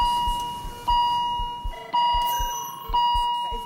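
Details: ICU monitor alarm at the bedside of a patient just out of an operation in intensive care.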